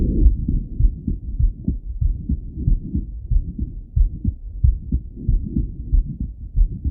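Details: Adult male heartbeat heard through a stethoscope while lying on his left side: steady low paired lub-dub thumps, normal heart sounds.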